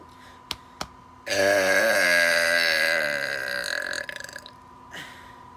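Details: One long, deliberate voiced belch lasting about three seconds with wavering pitch, in a quiet room, made during a low-middle-high burping challenge after a set number of air pumps: burping.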